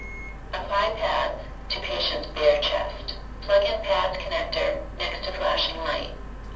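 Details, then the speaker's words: AED training demonstration for cardiac arrest: synthetic defibrillator voice prompts to apply pads to the patient's bare chest and plug in the pad connector, heard after switching on. "the machine has instructed me to apply the patients to apply the pads to the patient's chest"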